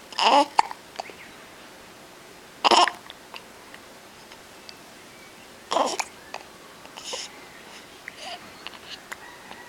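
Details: Baby with hiccups: three short, sharp catches in the breathing a few seconds apart, with soft baby noises between them.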